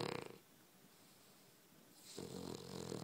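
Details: Sleeping dog snoring like a pig while dreaming: two short, fluttering snoring breaths separated by a quiet pause.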